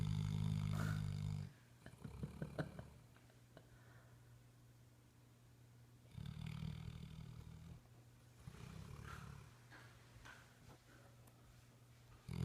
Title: Snoring lab..... Henry had a good day !!